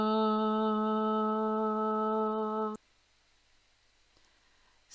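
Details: Healthy voice, not a patient, showing normal physiological instability that can be hard to distinguish from subtle voice tremor; finding: normal voice with physiological instability.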